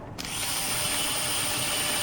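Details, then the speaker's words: Surgical drill opening the intramedullary rod entry point 1 cm above the PCL insertion on a saw-bone model during patellofemoral joint replacement, with a steady high-pitched whine starting abruptly and running continuously. "So we drill at 1 cm above the PCL insertion. Open that and then we enter insert the anterior resection guide."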